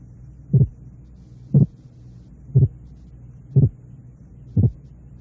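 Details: Split sound discrimination (paired sounds 0.08 s then 0.06 s apart).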